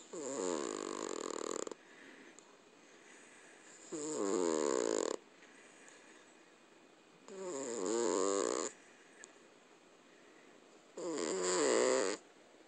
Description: This is our cat, Duchess Roadkill, asleep in my arms as I was sitting on our couch. Her snores are absolutely incredible.